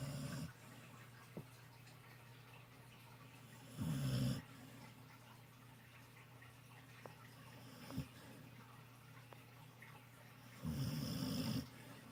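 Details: Sleeping dog napping in the sun gives three loud rattling snores spaced several seconds apart, with quiet breathing and small snuffles between; snoring.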